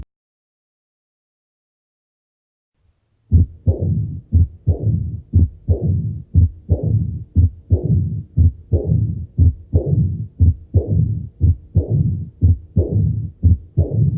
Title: RUIDOS CARDÍACOS